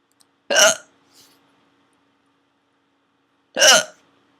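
Two sharp, abrupt hiccup sounds about three seconds apart, with quiet between them.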